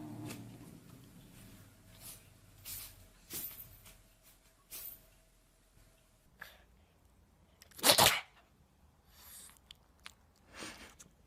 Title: funniest-🐈cats and 🐕dogs sneezing 😂- Don't try to hold back Laughter funny animal's Life